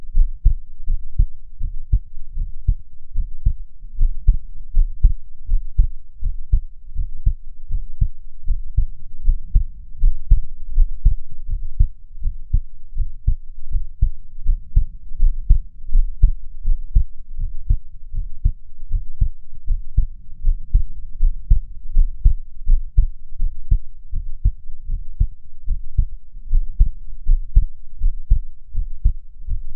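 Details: Own real heart recorded nearly unedited while breathing slowly to keep the rate down: steady, regular heartbeat at about 78 beats a minute with clear low thuds and no added sounds; normal heart sounds.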